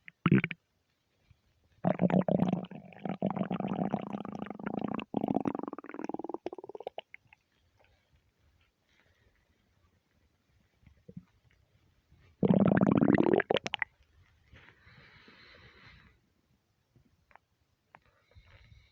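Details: Stomach rumbling (borborygmi) from being half hungry, half gassy after eating too much: loud, prolonged gurgling and growling in two main bursts with quieter gurgles between.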